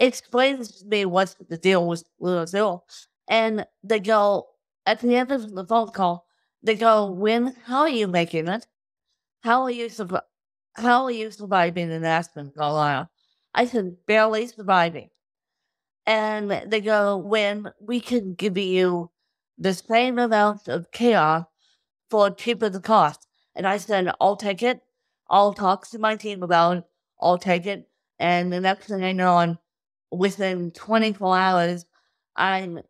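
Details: Adult woman with cerebral palsy from birth due to lack of oxygen at birth, with difficulty speaking; dysarthria (cerebral palsy).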